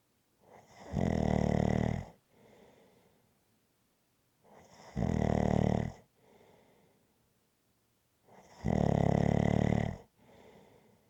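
Loud, buzzing snores on each breath in, with a softer breath out, about three cycles in eleven seconds, roughly 16 a minute.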